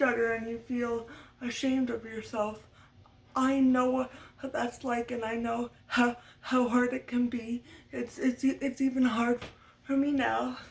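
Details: Adult woman who stutters, which she attributes to muscle tightness from cerebral palsy (brain damage as a baby); speech therapy from a young age through senior year of high school; uses techniques but expects lifelong stuttering; stuttering.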